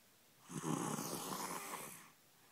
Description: Loud snoring